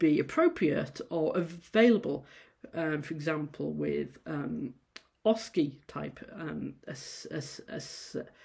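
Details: Adult female university lecturer who stammers, giving a presentation, with sound repetitions and prolongations; stammering.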